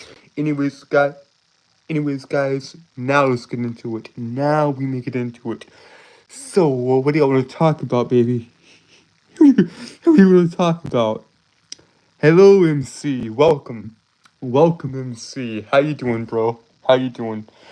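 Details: Stuttering, self-reported speech impediment causing stuttering and tripping over words.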